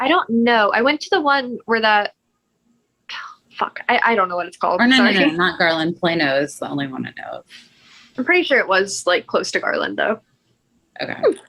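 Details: Vocal tic (coprolalia) interrupting speech in a 23-year-old woman with Tourette syndrome with vocal and motor tics, including coprolalia and echolalia, plus functional neurological disorder.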